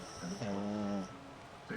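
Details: Pug dog sleeping, giving a single loud, buzzy snore with faint room hum: snoring.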